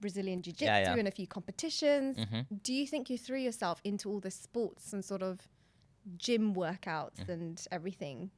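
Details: Adult woman; ordinary speech.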